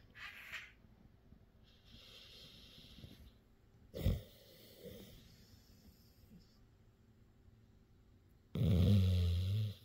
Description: My pup CopperTop is just getting some much needed rest. Yes this is his normal snoring...lol.